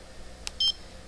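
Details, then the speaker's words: A soft click, then one short, loud, high-pitched beep from a CADD Prism ambulatory infusion pump while it is programmed for IV tigecycline antibiotic treatment. The patient finds the pump loud and clunky to program. "You get to hear how loud it is today. It's also just kind of clunky to program and stuff. It's a CAD prism, if anyone is familiar with that."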